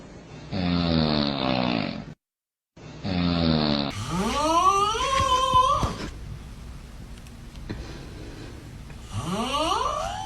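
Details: Comical snoring: two loud, rattling snores, then high rising whistle-like squeaks on the breath and another squeaky snore.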